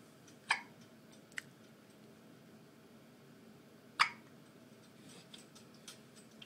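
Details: An infant with hiccups while in a Jolly Jumper: two sharp, short catching sounds about three and a half seconds apart against room noise; hiccups.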